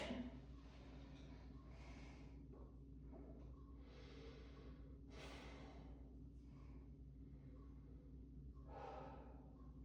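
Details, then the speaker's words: Adult male in a student nurse practitioner's respiratory exam takes deep breaths in and out through the mouth while breath sounds are auscultated at the front, lying back. "For this next part, I'm going to listen to your breath sounds. So, I'll have you take deep breaths in and out of your mouth."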